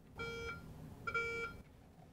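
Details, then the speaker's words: Two short electronic chime tones from the ORLocate RFID locator wand as it scans the patient and finds two tagged wound-packing sponges in a product demonstration; sponge locator detection tones. "click the scan WP items you will scan the patient with the locator wand to locate the two wound packing sponges audible tones from the locator wand"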